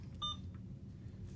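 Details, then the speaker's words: A single short electronic beep over low room hum as a keypad button is pressed on an Alaris IV pump while setting up primary tubing for a continuous normal saline line, confirming the same med-surg patient and selecting a channel; IV infusion pump keypad beep. "so we're gonna say no it's the same patient confirm that it is our med surg from there we will hit channel select"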